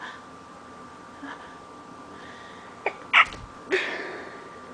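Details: Person sneezing all morning from allergies after leaving the window open, trying to stay quiet: a faint build-up breath, then three short sneeze-like bursts close together over a steady room hum.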